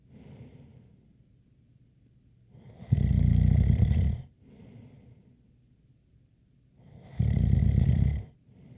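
Deep, rumbling snores on inhaling about every four seconds, with a soft whistling tone on each breath out; snoring with a light whistle.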